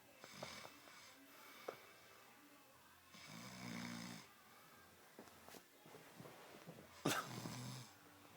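Irregular rough snoring noises with a loud rattling snort near the end, over room noise.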